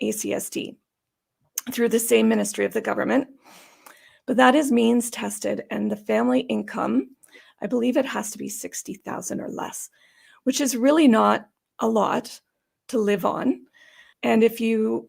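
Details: Adult woman with idiopathic subglottic stenosis for about 12–14 years, treated with repeated tracheal dilatations and surgeries on her trachea; she says these may leave her sounding gravelly or gasping for breath. Dysphonia from subglottic stenosis.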